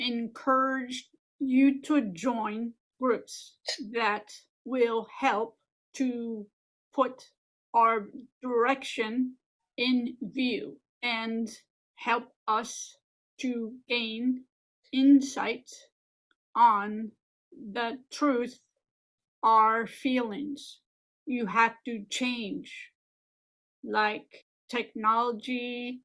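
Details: Adult woman with aphasia and apraxia of speech after a stroke 15 years ago, speaking in a recorded presentation; aphasia with apraxia of speech.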